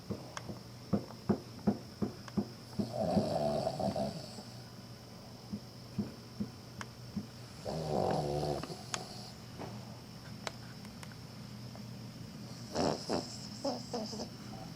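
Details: Sleeping female Cavalier King Charles Spaniel, wagging her tail unconsciously, gives two slow rumbling snores with soft clicks and rustling between; snoring.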